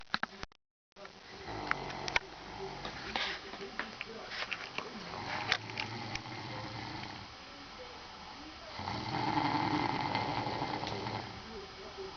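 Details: Adult man snoring in his sleep after drinking beer, unaware he snored: rough, rattling breathing noise in a small room, louder in a long stretch near the end.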